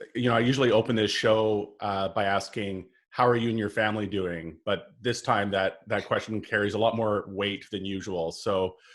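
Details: Adult male speaker; normal voice.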